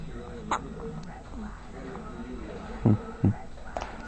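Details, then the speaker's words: Baby with hiccups: two abrupt short voiced hiccups about half a second apart against steady crowd and outdoor noise. "what's up madison what's the matter oh you got the hiccups"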